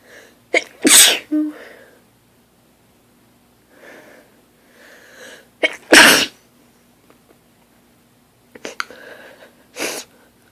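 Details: Person lying in bed just after waking: three sneezes in a row, each preceded by a sharp inward breath, quiet breathing between, in a fit growing progressively stronger; repeated sneezing.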